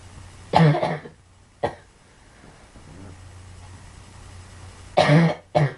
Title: Girl coughing 59